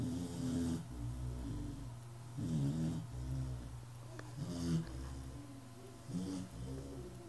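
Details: Snoring: loud rumbling snores in a steady rhythm, about one every two seconds, with a nasal whistle on some breaths.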